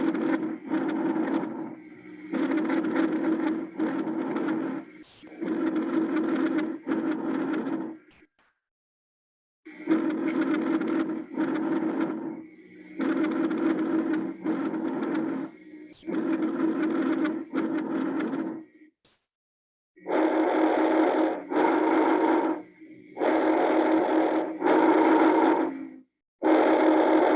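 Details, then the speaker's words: Repeated soft, hollow breath cycles in three sets on auscultation: normal bronchovesicular, vesicular and bronchial breath sounds. "esos tres que acabamos de escuchar son normales si estos tres sonidos sonido bronco vesicular sonido murmullo de circular y sonido bronquial son sonidos normales"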